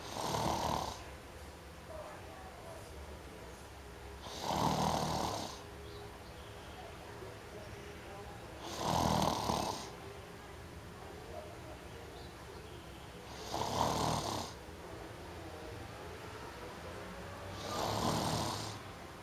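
Loud, rough snores about every four seconds, roughly 14 a minute, with quiet breathing between; steady rhythmic snoring.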